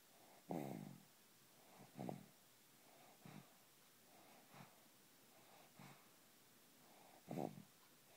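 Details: Baby snoring lightly in sleep, said to snore like his father: soft, quiet snorting breaths about every 1.3 seconds, roughly 45 a minute, in a quiet room; snoring.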